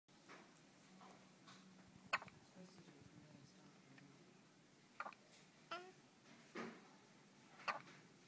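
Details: Hiccups in a child: about five short, sharp gulping catches over eight seconds, with soft talk in a small room.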